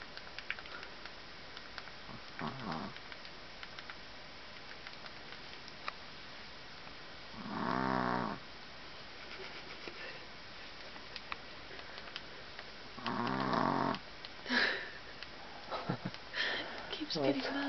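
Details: Exhausted puppy asleep after playing all afternoon with her puppy sister: two or three rough, buzzing snoring breaths over background noise; snoring.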